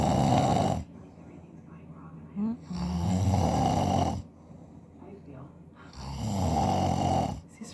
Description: Recording my husband snoring, who believes he sleeps like an angel lol